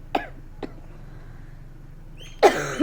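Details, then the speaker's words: Adult woman's cough: two faint brief coughs, then a louder, harsher cough burst in a quiet room. "हाँ हाँ खांसी आ रही थी ना मुझे, क्या करूँ?"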